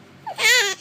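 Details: Baby crying: a single short, loud, high-pitched wail after a brief whimper; infant cry.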